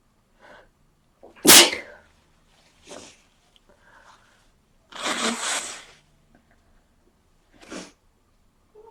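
Several sharp sneezes, one very loud with a breathy lead-in, and others softer, with sniffs between them; frequent sneezing with a cold.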